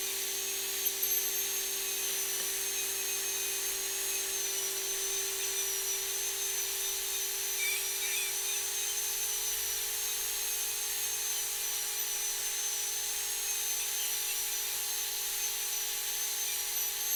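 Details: Dental surgical drill on an extraction simulator: steady high-pitched whine while sectioning a three-rooted tooth into three single-root fragments for individual removal.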